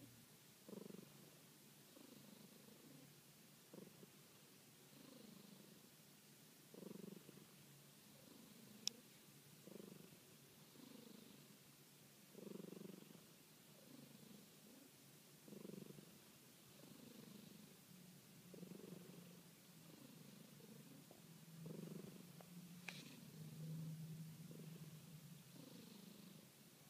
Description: Smokey has her eyes covered, snores and purrs.